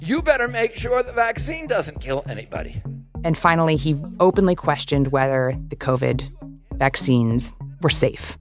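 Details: Adult narrator; normal voice.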